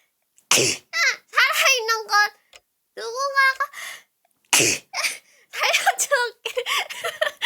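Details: Several sharp, high-pitched sneezes with a squeaky, voiced tail and brief pauses between them; sneezing with an unusual vocal sound.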